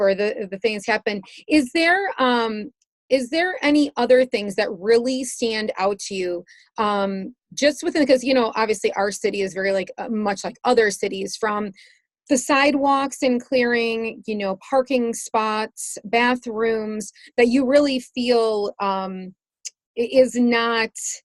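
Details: Adult woman speaking; typical speech.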